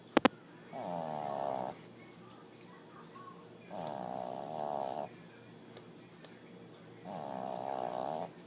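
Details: Kiwi snoring up a storm: three rhythmic, rattling snores about every three seconds, each with a fluttering buzz, in a quiet room; snoring during sleep.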